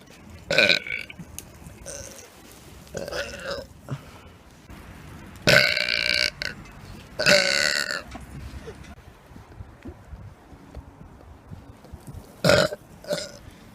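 Several loud, deliberate drawn-out belches with voices and street noise in the background; forced burping done as a prank.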